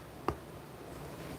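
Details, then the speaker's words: Jaw joint clicks audibly when the mouth opens wide; a single sharp temporomandibular joint click against quiet room noise, present since childhood (around age 15, per the person). "It clicks when I open my mouth too much. It's been like that when I was a kid."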